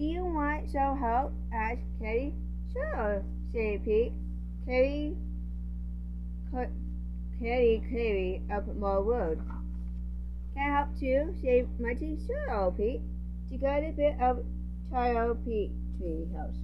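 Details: Speech sound (articulation) disorder in a speaker who self-reports a speech impediment, reading a children's book aloud, with garbled words.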